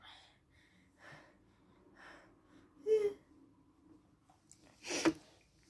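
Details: Child with a bad cold, home from school and taking cold medicine that is not helping: quick breaths building into a sharp sneeze, then a second explosive, spraying sneeze.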